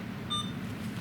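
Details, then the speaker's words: Alaris infusion pump during chemotherapy administration, restarted to finish priming the reused primary tubing: a single short high beep over steady room hum, the infusion-complete alarm. "Okay. Now I'll unclamp here below the pump and we'll hit restart to finish out that priming. So once you get that infusion complete alarm, you'll go ahead and channel off."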